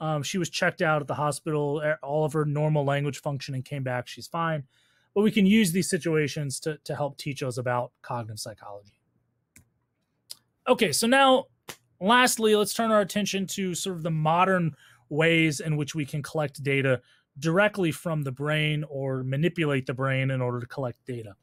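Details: Adult speaker, lecture voiceover; normal speech.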